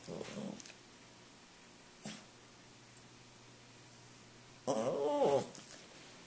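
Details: Dog sneezing, which the owner says rain always triggers: a short noisy burst, a brief snort, then a longer voiced burst in a small room.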